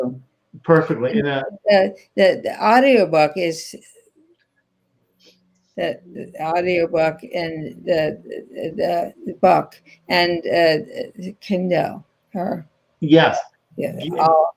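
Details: Aphasia in an adult woman after a stroke in 2010, still in ongoing rehabilitation therapy.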